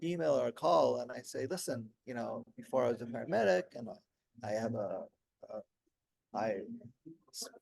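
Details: Adult man 16 years after a stroke during heart valve surgery, with post-stroke aphasia; he could say only one word for about a year at first and still has word-finding difficulty.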